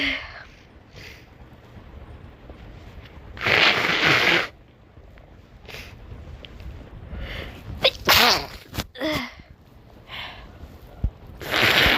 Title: Sneezes + Nose Blowing